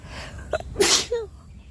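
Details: Sneezing, described as sick sneezes: a short inward catch followed by one sharp, hissing sneeze burst and a brief squeaky after-sound.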